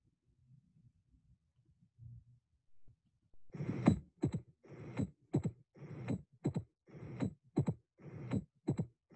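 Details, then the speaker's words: Repeating heart cycles with a distinct, crisp, high-pitched extra sound very shortly after the second heart sound, like "lap butter": the opening snap of a stenotic mitral valve in mitral stenosis. "The opening snap OS of the stenotic mitral valve is a distinct crisp extra sound. It can be emulated saying "lap butter," adding an additional syllable to normal heart's "tup-tup.""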